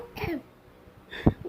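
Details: Two short, sharp cough bursts from a child separated by a brief pause, with faint room noise.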